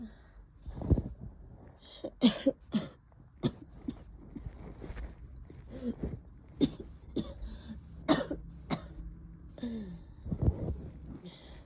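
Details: Adult woman's real voice recording of a cough during COVID: one sneeze, then repeated loose, rattly wet productive coughs and throat clearing.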